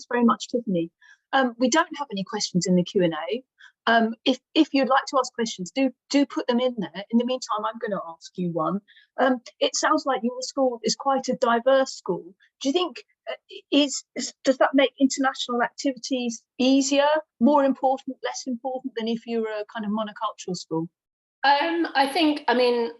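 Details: Adult woman speaking; Normal fluent speech.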